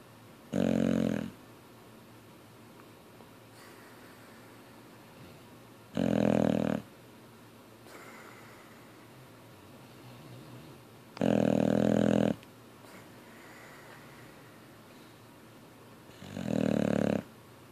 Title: Boxer "Ozzy" snoring and jaws flapping